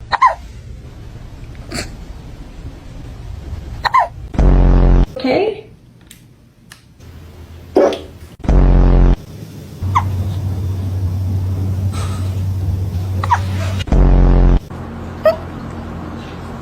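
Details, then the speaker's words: Hiccups in a cat: abrupt, jolting hiccups recurring about every five seconds, with soft room noise and faint talk. "Do you have the hiccups? Oh, baby. Oh, hello. Have you got hiccups?"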